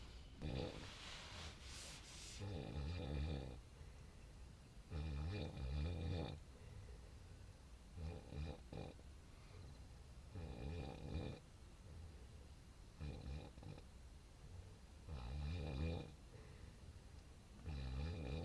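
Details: Low rumbling snores recur every few seconds, about 12 a minute, at 12:30 at night in a tent while moto-camping at Bukit Klangon (about 1227 m altitude), with steady wind noise behind them; ordinary snoring during sleep.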